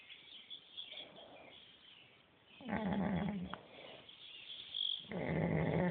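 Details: Cow snoring: deep, rough, rumbling snoring in-breaths, two loud ones over a few seconds, with quieter breathing between.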